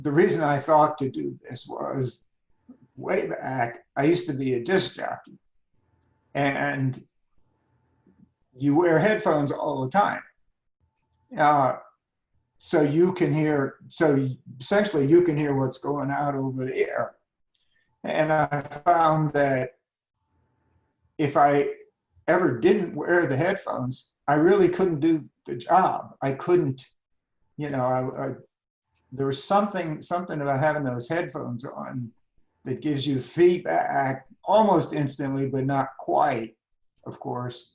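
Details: Adult man with spasmodic dysphonia diagnosed at age 51, managed without Botox through practice and workarounds; talking is tiring and some words such as "yes" take much effort; spasmodic dysphonia.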